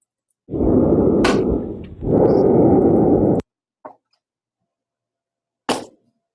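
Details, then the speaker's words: Loud, harsh, hollow breath sounds with a brief pause between inhaling and exhaling, normally heard over the bronchi: normal bronchial breath sounds. "Okay, these are sounds you'll normally hear over the Broni."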